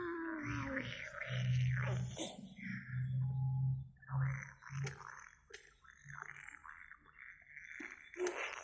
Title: Bayi Ngorok lucu